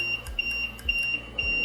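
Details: High-pitched repeating electronic beeps over soft rhythmic thumps: simulated low oxygen pressure alarm on an LTV-1000 portable transport ventilator after the high-pressure oxygen source fails, before switching to a low-pressure O2 source.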